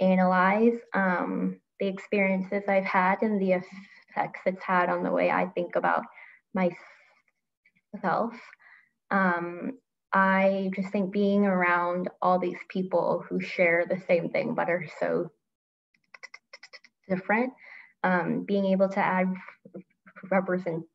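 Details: Adult man who stutters and has been open about his stuttering for about seven years, with repeated whole-word repetitions; stuttering.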